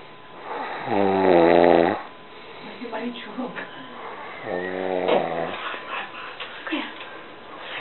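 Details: Son-in-law snoring: two loud, buzzing snores about four seconds apart, with soft breathing and faint room noise between them; ordinary snoring.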